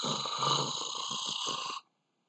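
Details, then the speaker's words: Rhonchi, an abnormal breath sound: low, coarse, snoring-like rumbling with a hiss, then silence, from blocked or rough airflow through large airways. "but ronkai the sounds that resemble snoring"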